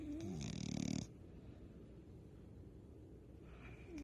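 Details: Dog snoring: a single rough, fluttering snore during an in-breath, then quiet breathing with room hiss.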